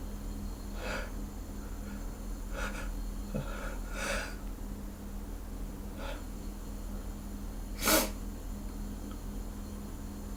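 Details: Hangover sneezing just before a shower, set off by a nose tickle: breathy puffs and snorts over loud room noise, then one sharp sneeze burst near the end.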